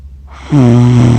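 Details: Adult accidentally recorded while asleep for 47 minutes after filming cats, self-described as snoring funny: a single loud, low, buzzing, almost tonal snore after a brief quiet breath.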